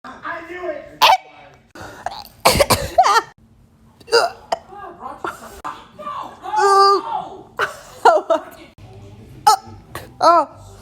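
Sharp, abrupt voiced gulps recur between speech and laughter, about six in ten seconds; hiccups.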